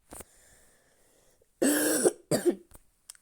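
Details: Two harsh, dry coughs from an adult while playing, with a brief click before and faint sounds after: dry cough.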